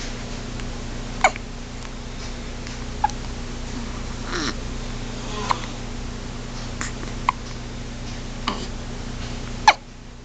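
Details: Tiny hiccups: small, sharp, irregular clicks about every one to two seconds over a steady hum.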